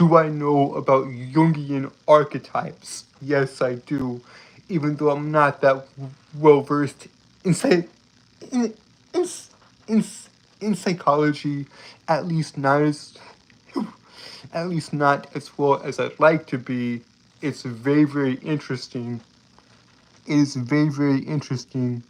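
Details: Adult male with a lifelong speech impediment that makes him stutter and trip over his words, heard stuttering in casual talk; stuttering.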